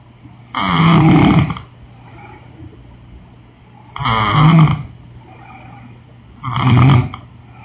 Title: Women snoring noise💤